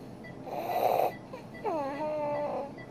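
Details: Inspiratory stridor with a seal-like barking cough in a young girl with croup, treated with dexamethasone and racemic epinephrine.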